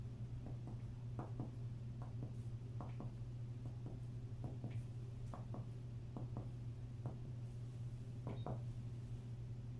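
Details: Normal resonant percussion note over the posterior chest of a simulated patient during a respiratory examination: paired finger taps giving a hollow, resonant sound.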